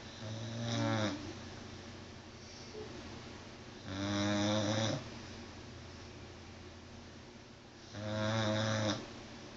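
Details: Loud, rattling, tonal snores on each inhalation, about 15 a minute, from a sleeping pit bull dog.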